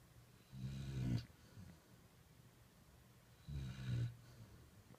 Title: Snoring puppy! Sounds like grandpa!